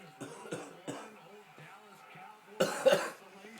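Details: Several short, sharp coughs, then two louder explosive bursts, with faint music behind; labelled a "perfect sneeze", heard as coughing.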